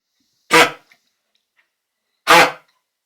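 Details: A dog with kennel cough gives two harsh, goose-like honking coughs.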